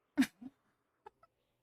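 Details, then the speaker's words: One sharp, explosive sneeze with a short catch after it, then two faint clicks; the speaker apologizes for sneezing during a live stream. "Sorry, I had to sneeze."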